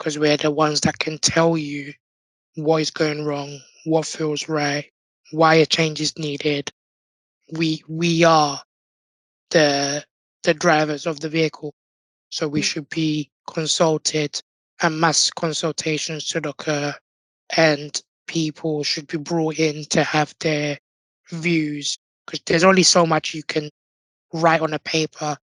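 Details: Adult man born six months premature with undeveloped airways, given emergency surgery at birth to place a tracheal tube and living with a tracheostomy since; this heavily impacted his vocal cords; tracheostomy voice.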